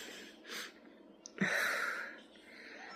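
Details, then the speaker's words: Audible wheezing with a high whistling edge, most marked on a long second breath, in an adult who reports being sick for five weeks on three antibiotics with hearing problems. "Um, like normally I would go throw out the trash and um, can you hear my wheezing?"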